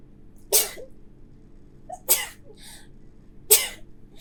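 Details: Three sharp, hissy sneezes about a second and a half apart, some with a quick breath in just before: repeated sneezing.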